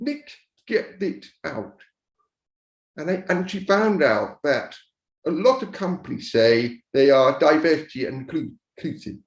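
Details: Speech of a man born deaf who learned to speak rather than sign and now uses a cochlear implant after years of hearing aids; he says his speech is not perfect. Deaf speech.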